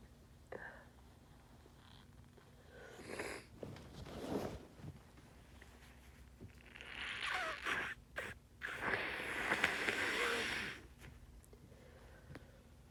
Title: More harsh sneezes from my cold